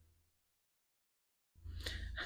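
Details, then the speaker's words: After a brief quiet pause, one rough, rumbling breath from a sleeping cat, possibly a Maine Coon, in the background: snoring. "I don't know if you can hear but Lily is in the background, my Maine She's snoring."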